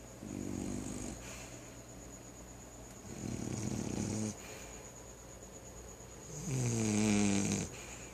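Three loud, pitched snores on in-breaths, separated by quiet pauses, over a steady background tone: snoring.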